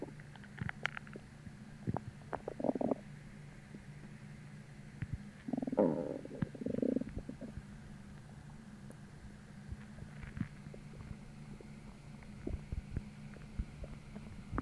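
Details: Hunger stomach growling (borborygmi) with soft low gurgles and one longer rumbling growl over quiet room noise. It started about twenty minutes after a sudden hollow, empty feeling that followed bloating from a heavy dinner the night before.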